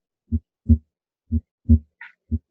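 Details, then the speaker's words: Simulated normal heart sounds on a Harvey cardiopulmonary simulator at the right upper sternal edge (base), about 60/min, with S2 louder than S1 as expected at the base. "second heart sound is louder as you would expect here at the base of the heart"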